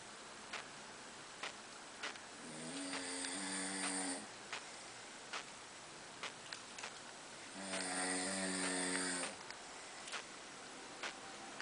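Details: Two long, buzzing, tonal snores on inhalation several seconds apart, with faint clicks between; snoring during sleep.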